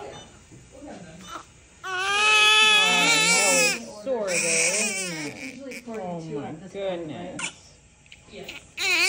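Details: Strong, high-pitched, wavering cries in bursts with brief pauses for breath from a newborn baby girl shortly after a hospital delivery under epidural; a healthy newborn cry.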